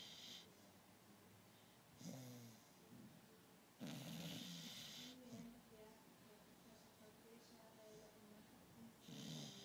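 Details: A sleeping beagle makes repeated rough, rattling breath noises every couple of seconds; snoring.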